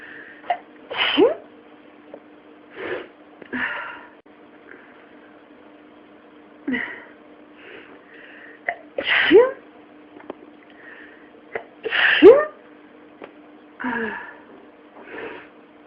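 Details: Run of about eight sharp sneezes at irregular intervals over a steady background hum; 31 sneezes in total.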